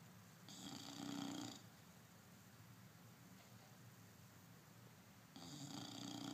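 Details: Two rattling snores about four seconds apart with quiet breathing between, during sleep; snoring.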